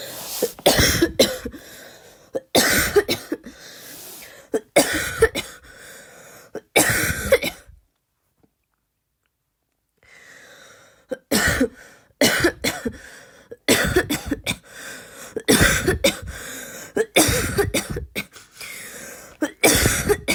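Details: Adult's voluntary cough trying to imitate a barking cough but unable to produce the bark: repeated deliberate cough bursts without true barking quality.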